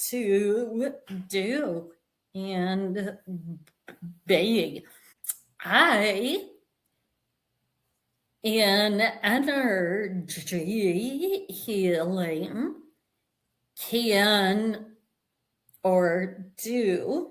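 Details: Adult woman with a vocal tremor that she and the host attribute to over 50 years of narcissistic abuse and trauma beginning at age five, manifesting after decades of abusive relationships; vocal tremor.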